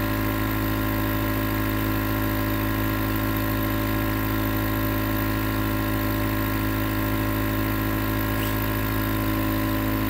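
Steady loud mechanical hum with a rapid buzzing pulse, unchanging throughout; a running nebulizer compressor.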